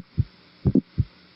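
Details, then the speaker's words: Auscultation over the pulmonary area in an undergraduate lecture: very loud, snapping second heart sound, a sign of pulmonary hypertension. "وبعدين بولمونري هايبرتنشن سكند هارت ساوند عالي واضح جدا لدرجه ان انا سامع من السكند هارت ساوند طرقعه، سكند هارت ساوند طرقعه."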